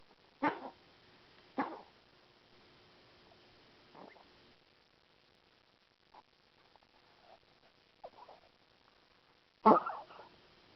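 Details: Mia, a dog, gives several short, harsh coughs with quiet pauses after tracheal stent placement.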